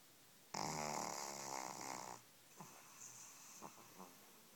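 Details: Pug puppy a few weeks old snoring in its sleep: a loud, buzzing snore on one long breath in, then quieter snuffling breaths.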